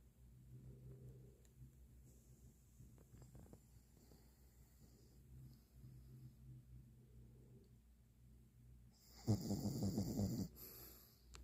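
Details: A sleeping pug gives soft rhythmic snoring breaths with low snorting rumbles, then a brief louder snort near the end. Snoring.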